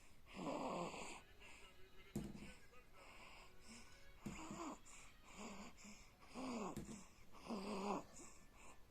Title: snoring 🤪 while sleeping 💤💤